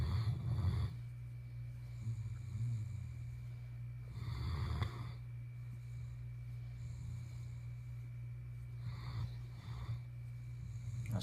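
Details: Dog asleep in the owners' bed: soft, low snuffling snores that come and go in waves over a steady hum of room noise; snoring.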